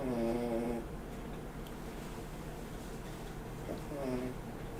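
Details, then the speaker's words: Two tonal, fluttering snores about three seconds apart over steady room hum from a sleeping female, described as not talking but just snoring. "yeah you can hear it right she's not talking she's just snoring"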